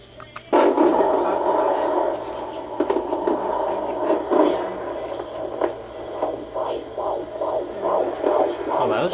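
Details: Fetal heartbeat on Doppler at a 16-week pregnancy appointment: whooshing settles into a fast, regular galloping pulse of about 170 beats a minute, a normal fetal heartbeat.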